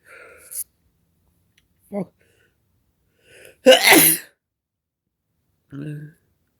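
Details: Sneezing triggered by black pepper: quick breaths leading into one forceful sneeze, short voiced sound before and after; irritant-triggered sneeze.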